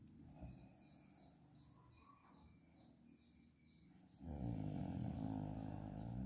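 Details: A mother napping in the daytime: quiet breathing, then a loud, rough, low snore.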